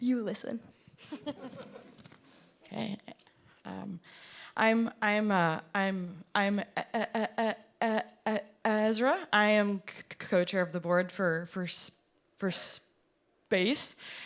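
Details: Performer who stutters, speaking at a showcase of artists who stutter; audible part-word repetitions; stuttering.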